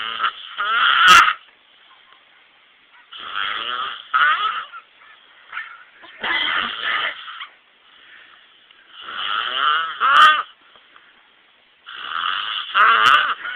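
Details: Man sleeping in a trailer, snoring loudly enough to be heard outside: rasping snores with a whistling edge on each breath in, about four cycles over thirteen seconds, with sharp clicks between some breaths.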